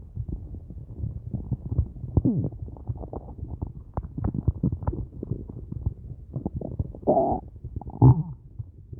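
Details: Hunger borborygmi at the end of a day with only a large cup of coffee and no food: continuous low gurgling and bubbling, with squeaky tonal rumbles and louder gurgles near the end.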